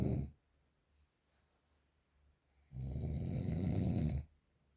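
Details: Real, unprocessed recording of very strong heavy snoring: a loud, harsh, rattling snore on the in-breath after a quiet pause, with the tail of another snore at the start.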